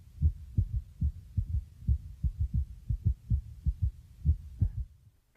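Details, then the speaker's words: Apical pulse with stethoscope diaphragm about 2 inches below the left nipple, toward chest center: steady regular lub-dub beats, about 85 per minute; normal heart sounds. "Each lubdub sound is one beat. Listen for the rhythm of the beat. Is it regular or is it irregular?"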